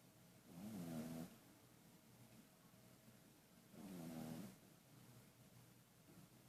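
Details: Pug-a-Poo dog snoring: two slow, rattling snores on breathing in, about three seconds apart, over quiet room noise.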